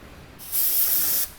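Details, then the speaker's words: Brief quiet hum, then about three-quarters of a second of steady high hissing spray from a dental three-way air-water syringe, pedal-operated, on a student skills-lab dental simulator with compressor. "kalau diinjak yang ini namanya threeway yang gambar yang ditanam dia angin yang di kiri air"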